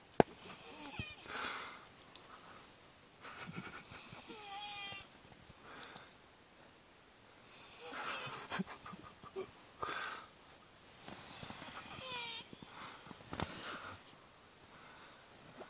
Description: Guy was sleeping and Snoring within one minute, and gets toothpaste on his face.